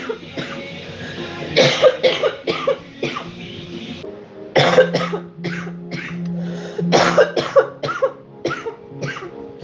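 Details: Woman coughing hard on a TikTok live stream: repeated forceful coughs in clusters over steady background music.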